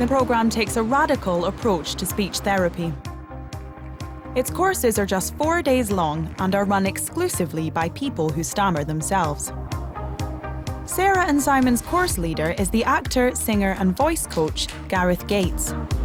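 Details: Adult narrator; fluent speech.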